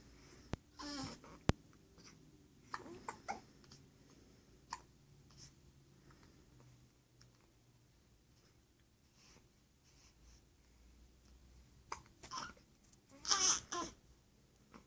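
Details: Baby, one of twins, with soft, sudden, repeated hiccups at irregular intervals and faint babbling in a quiet room: hiccups.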